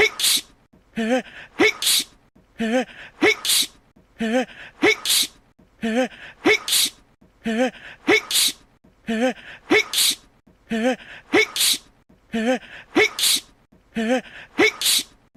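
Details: Long run of rapid, evenly repeated sneezes, about 37 a minute, each a short voiced intake followed by a sharp burst, lasting about one and a half minutes; sneezing.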